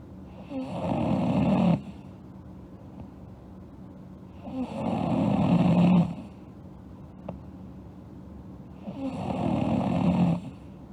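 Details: A sleeping girl snoring: loud, rough snores on each breath in, about 15 breaths a minute, with quiet breathing out between them.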